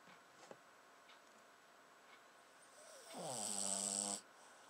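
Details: Newly fostered dog asleep: quiet breathing, then one loud, buzzing, vibrating snore on the in-breath lasting about a second; snoring.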